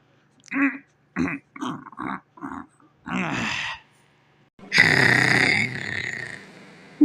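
A series of short grunting bursts, then one long loud belch from a cartoon character.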